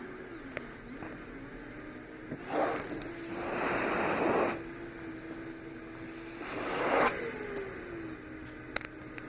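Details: A small travel CPAP machine (DreamStation Go, AirMini or Transcend) running at 10 cmH2O with flex 3: steady motor whine with rushing airflow surges as the pressure follows breathing.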